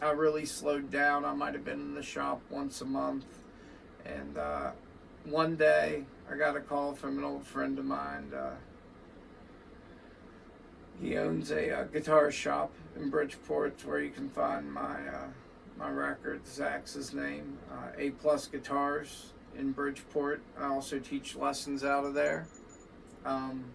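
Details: Adult male with vascular Ehlers-Danlos syndrome (weakened tendons and ligaments, constant dislocations, muscle overgrowth from lacking myostatin), which he says causes his voice: voice change associated with vascular Ehlers-Danlos syndrome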